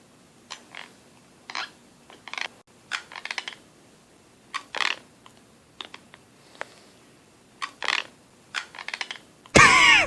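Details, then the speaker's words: Wife grinding her teeth at night during sleep: quick clusters of sharp, gritty clicks and scrapes in a quiet room; chronic, fast nighttime teeth grinding (bruxism). "listen to my wife grind her teeth at night"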